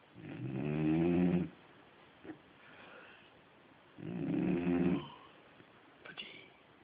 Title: Fudge the Labrador snoring